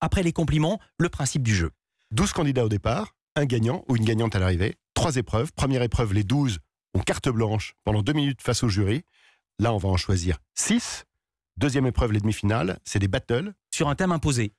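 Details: Adult male speaker; normal speech.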